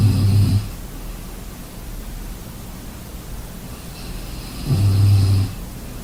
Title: Sleeping sounds snoring